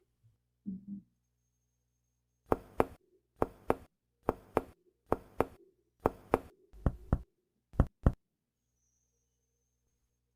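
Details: Shifting dullness on abdominal percussion.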